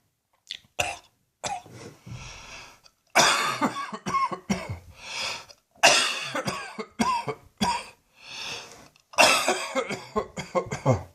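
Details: Evening coughing and gagging in an adult whose poor old lungs "continue to protest": repeated harsh coughing bursts with retching, gagging sounds between them.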